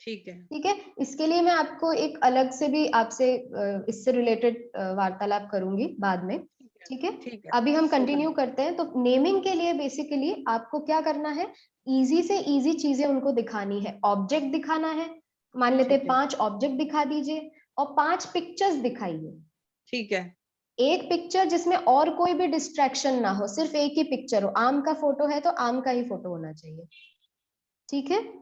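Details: Adult woman speaking Hindi; normal speech.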